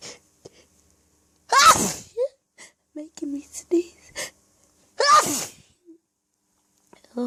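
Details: Natural, minimally induced sneezing fit from an allergy attack, acted as hiding and trying not to be heard: two loud sneezes with sharp inhaled build-ups, separated by softer stifled sounds and breaths.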